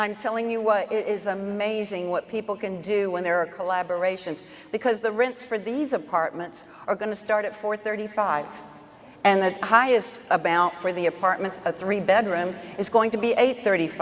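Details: Adult woman speaking; Normal voice.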